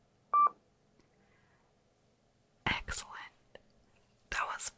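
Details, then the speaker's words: Simulated hearing-test beep in an ASMR ear-exam role-play; single short pure beep presented to one or both ears, followed by whispered replies. "going to be hearing some beeps, sometimes in both ears at the same time and sometimes one at a time."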